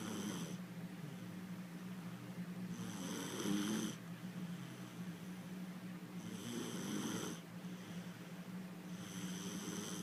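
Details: A young girl asleep snores softly and rhythmically, about 18 breaths a minute, with a faint rattle on each breath; ordinary child sleep snoring.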